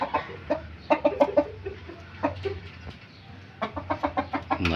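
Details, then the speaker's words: Chicken with ngorok (respiratory disease) making repeated short, harsh clucking and rattling sounds with its breaths: noisy respiratory rattling (snoring). "ngoroknya parah banget nih sekarang alhamdulillah"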